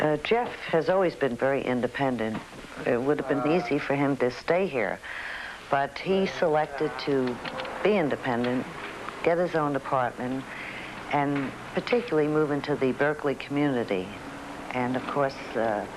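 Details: Adult woman speaking; normal speech.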